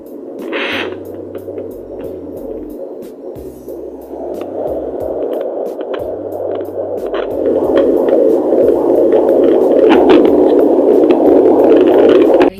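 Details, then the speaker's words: Fetal heartbeat of a boy at 31 weeks six days of pregnancy, picked up by a home Doppler over the mother's abdomen using cocoa butter lotion: fast, regular whooshing pulses through static. "and his heartbeat is already getting picked up I'm just trying to make it louder"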